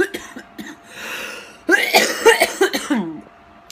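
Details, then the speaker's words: Several loose, wet coughs after a throat clear in a quiet room, at night, from a person with cystic fibrosis on Orkambi day 35, with sinus symptoms, sore throat, possible cold; productive cough worsening. "cough is getting worse um I'm more productive each time I cough it's very strange"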